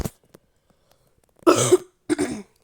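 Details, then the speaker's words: Two short, harsh coughs, the first stronger than the second, in a quiet room, from a speaker who says he is ill; cough. "Сейчас я думаю, пацаны, с вами тоже буду кашлять, просто я болею."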